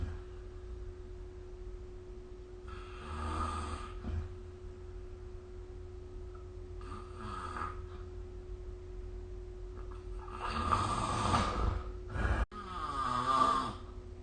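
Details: Sleeping adult recorded with the SnoreLab app: rough, fluttering snoring breaths repeating every few seconds over a steady low room hum.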